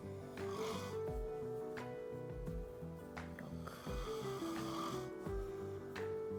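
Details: Husband's low, rough snoring repeats beneath steady background music in a quiet room at the start of a crochet recording; ordinary snoring.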